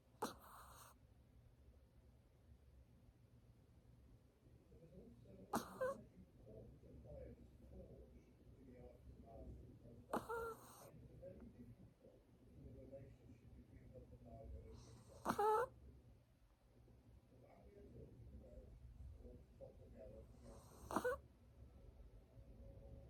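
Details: A sleeping dog snores with a short, harsh snort about every five seconds and quiet breathing between.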